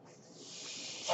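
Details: A soft airy hiss builds steadily over about a second, then surges at the end, as a man's own ventilator delivers a breath while he records a spoken podcast: mechanical ventilator breath cycle.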